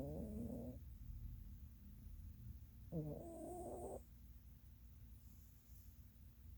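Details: Norwegian Forest Cat napping on a rainy day: two soft, fluttering snores separated by a quiet pause against faint room hum; snoring.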